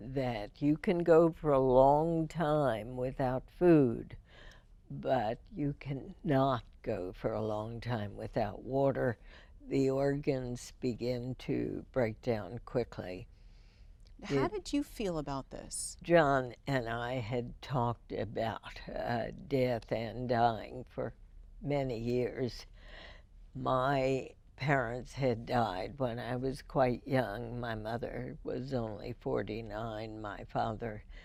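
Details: Woman with spasmodic dysphonia, diagnosed in 1998, treated every four months with botulinum toxin injections into the vocal cords; speech with deliberate pacing; spasmodic dysphonia.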